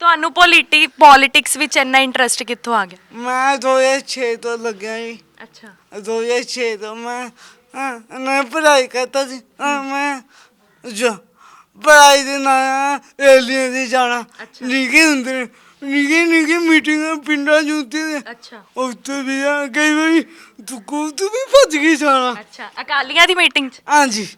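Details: Speech impairment with unclear articulation, present since birth, in a young Sikh man with a disabled hand; described as a stammering tongue; his mother can neither speak nor hear.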